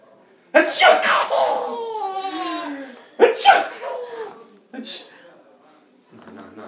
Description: My sweet nephew is laughing hard at sneezing :)) so cute!